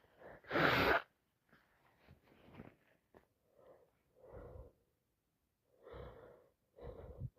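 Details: Person with a cold plus sinusitis and a stuffed nose who can't stop sneezing: a loud sneeze followed by sniffing and wet, nasal snorts and breaths.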